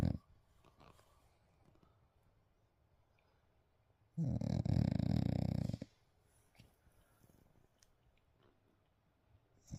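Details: A sleeping dog gives one loud, low, fluttering snore between long quiet stretches (also described as sleep talking); snoring.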